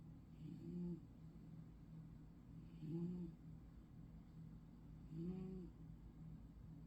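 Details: Sleeping cat with loud snoring: three low, droning snores about every two seconds over a steady background hum.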